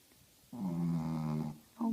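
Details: 13-year-old female Shih Tzu snoring loudly while asleep, keeping others awake: a loud, buzzing snore lasting about a second, then the next breath beginning.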